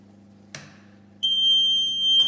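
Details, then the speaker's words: Home oxygen concentrator switched on at its on/off switch: a click, then a loud steady high-pitched alarm tone, the brief power-cut alarm confirming the machine is plugged in and operational; normal power-on alarm. "Now when we switch this machine on, it will make a little alarm. That will be a little power cut alarm, just to make sure that you know that you've got your machine plugged in and it's operational."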